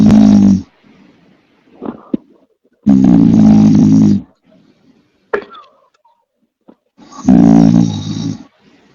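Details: Young male friend asleep, giving loud, harsh rasping snores on in-breaths, three across nine seconds, with quiet out-breaths between; heavy snoring.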